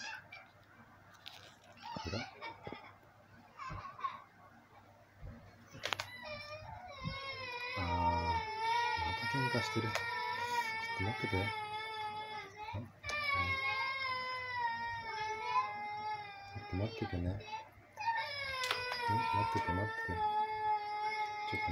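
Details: Young child crying after children fought indoors: loud, sustained, high-pitched wails after a quieter start.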